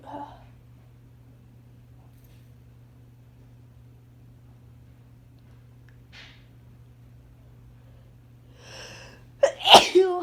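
Quiet room, then a short in-breath and a sharp explosive sneeze near the end.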